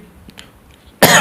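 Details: Adult man lecturing gives a single loud, harsh cough burst after a second of quiet room tone, cut off at the end. He clears his throat repeatedly and apologizes, attributing it to a cold from going from heat to cold.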